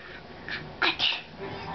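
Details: Dog's voluntary fake sneeze on the cue "bless you": a couple of quick, sharp, hissing snorts.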